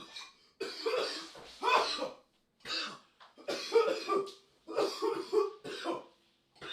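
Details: Coughing fit: an adult man coughs in a rapid run of harsh, wet bursts with short strained breaths between them, gasping after trying a new cannabis vape cartridge.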